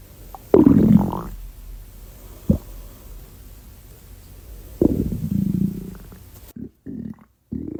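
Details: Loud, low gurgling rumbles from the abdomen in two main bursts, with a faint, quieter one between them: ordinary stomach growling (borborygmi).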